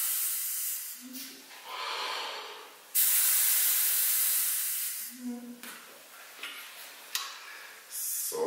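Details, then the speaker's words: Forceful hissing breaths out against resistance through an expiratory muscle trainer, turned up to the middle setting so blowing is much harder, with short breaks between blows; breathing training. "jetzt drehe ich es etwas höher jetzt ist es schon in der mittleren Position und ich muss schon deutlich stärker hineinblasen"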